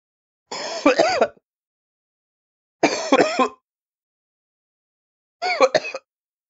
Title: Coughing sound